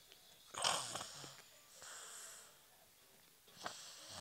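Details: Snoring from a sleeping girl.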